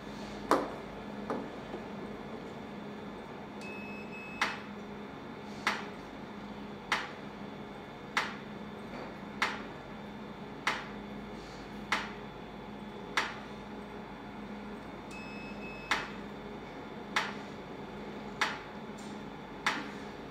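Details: Sharp snapping clicks at about 48 a minute over a steady cooling-fan hum, from a clinic Nd:YAG tattoo-removal machine with 532, 1064 and 1320 nm tips; a Nd:YAG laser firing pulses.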